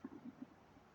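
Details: Self-recorded gut gurgling during a digestive cleanse, a quick run of four or five soft, bubbly low gurgles fading within a second; the person is unsure whether it is bowel movement or gas bubbles: audible bowel sounds (borborygmi).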